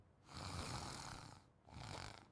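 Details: Husband snoring in sleep beside his wife: two rough, noisy breaths, the first long and loud.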